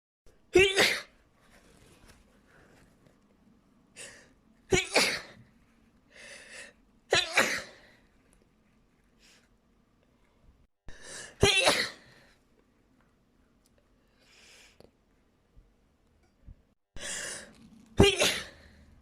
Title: big sneezing fit!!!